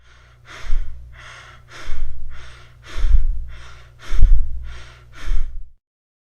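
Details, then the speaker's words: Nursing-class demonstration of tachypnea, a fast breathing pattern seen in panic, pulmonary embolism or myocardial infarction: quick, shallow breaths follow one another with almost no pause, at about 50 breaths a minute. "Yang kedua adalah tachypnea atau pernafasan cepat. Ini biasa terjadi pada klien dengan kondisi panik, emboli paru atau infark miokard dan lain sebagainya."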